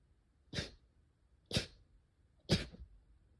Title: sneeze 63